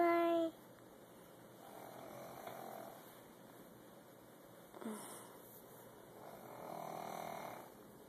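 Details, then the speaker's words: Grandmother snoring, loud enough to be likened to a whale: after a brief voice, soft, slow, rumbling breaths rise and fall in a quiet room; gentle snoring. "Do you hear snoring? Silly."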